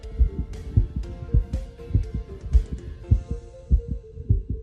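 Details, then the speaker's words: Veterinary heart murmur example: regular heartbeats at about 100 a minute with a steady humming murmur between them. "Y pues si pegas el oído al tórax, también vas a escucharlo. Incluso aunque no lo pegues, puede ser que te acerques un poco y vas a escuchar el soplo."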